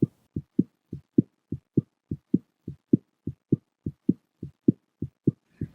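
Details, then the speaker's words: Regular paired lub-dub heartbeat at about 100 beats a minute, sounding like a child's, used as a rhythmic foundation for music to preserve the humanity of the situation. "considering the heartbeat as the most beautiful sound that I think as possible and and when I'm thinking of Rhythm it's our basic beats"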